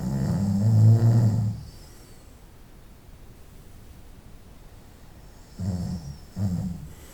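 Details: Night-time snoring recorded over about 25 minutes: two low, rumbling snores separated by a few quiet seconds of breathing.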